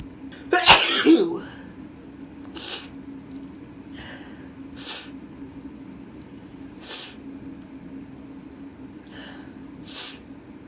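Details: Person with a sneezy nose in winter: one loud sneeze, then softer bursts about every two seconds like repeated nose blowing or small sneezes, over steady room hum; sneezing.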